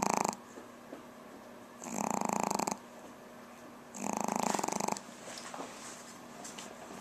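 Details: A sleeping Pomeranian snoring, with two loud, rattling snores about two seconds apart and quieter breathing between them.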